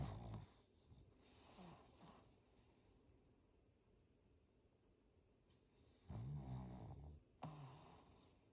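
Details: Sleeping Shih Tzu, a flat-faced dog, makes low, rattling snores in about four bursts with quiet pauses between; snoring.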